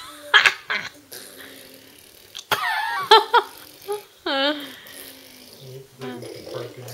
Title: Cough & Ptttttt